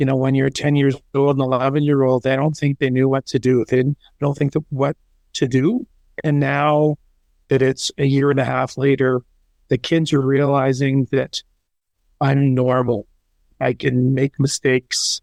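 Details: Aphasia in a parent after a stroke in October 2022, about a year and a half earlier.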